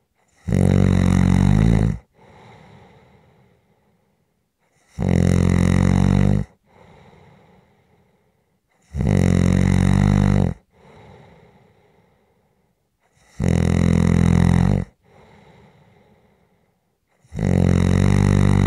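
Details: Loud, rough snores on each in-breath about every four seconds (roughly 14 a minute), with softer out-breaths between; ordinary sleep snoring from a relaxation/white-noise recording.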